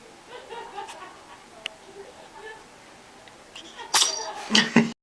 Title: sneezing,